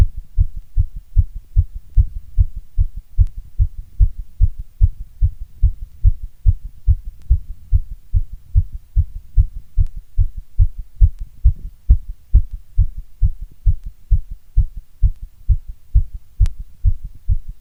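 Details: Steady, strong lub-dub heartbeat at about 75 beats a minute with low deep thumps.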